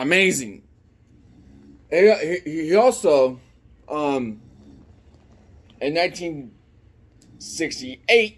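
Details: Man with an unspecified speech impediment present since childhood; speech impediment (disfluent speech).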